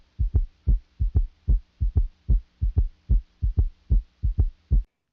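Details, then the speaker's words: Adult heart at the apex by stethoscope: regular heart sounds with a soft low rumbling extra sound in early-middle diastole after S2, a three-beat S3 gallop near 74 per minute, attributed to ventricular dysfunction. "el tercer ruido cardíaco o ese 3 se aprecia en día esto le por disfunción ventricular es un sonido débil y retumba se aprecia el comienzo del tercio medio de la diástole y se oculta solo en el foco ápex"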